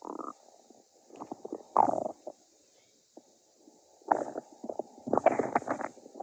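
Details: Stomach growling from hunger: gurgling, rumbling bursts from the belly with quiet gaps between; borborygmi.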